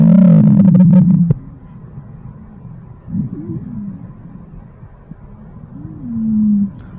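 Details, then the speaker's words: Musical, whistling wheezes heard over the chest with a stethoscope in a patient with asthma, from narrowed airways. "तो देखिए यहाँ पर जो voices normal रहती हैं, लेकिन आपको व्हीजिंग टाइप की आवाज़ सुनाई देगी स्टेथोस्कोप्स के द्वारा। देखिए व्हीजिंग साउंड्स किस तरह का होता है, सुनिए ये साउंड्स।"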